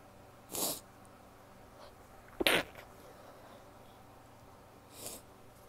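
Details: Three short, muffled, held-back sneezes from a female in quick succession, each a brief hissing burst: stifled sneezes.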